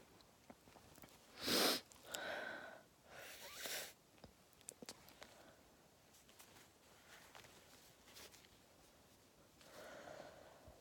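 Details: Person stifling sneezes in a quiet room: a sharp muffled burst, then a few softer held-back sneezes and sniffs; stifled sneezing.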